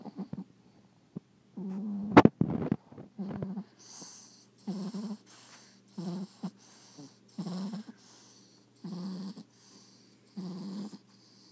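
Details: Snoring from Rocko, a sleeping French bulldog: steady low, buzzing rattles on each breath in, soft hissing breaths out, about seven snores in ten seconds.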